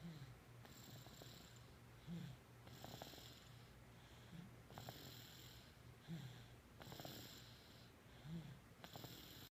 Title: Sir snores a lot